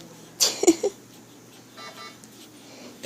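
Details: Infant hiccups: a single sharp, abrupt catch of breath followed by soft vocal sounds, with the baby smiling at each hiccup.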